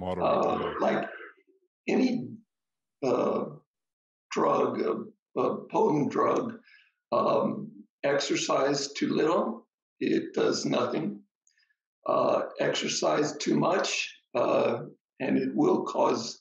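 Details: Adult man, stroke survivor: ischemic stroke treated with TPA, which then caused a hemorrhagic stroke; struggles to get through a sentence; aphasia with brain fog.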